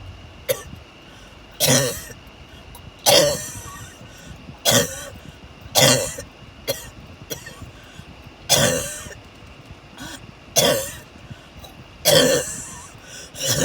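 Repeated harsh coughs, about nine bursts in under fourteen seconds, over steady car noise: recurrent coughing fits.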